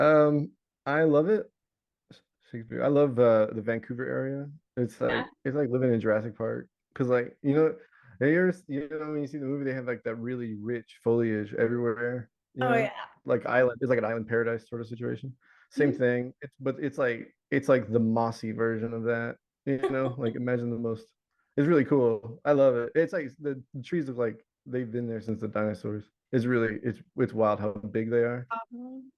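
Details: Adult man with Tourette syndrome whose recurring vocal tic, the word "Shakespeare", is interjected into ordinary speech; he also has word tics and shouting tics; vocal tic (Tourette syndrome).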